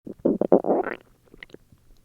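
A loud gurgling, rumbling growl rising in pitch, then small bubbling pops; ordinary stomach growling from gas and fluid moving through the gut.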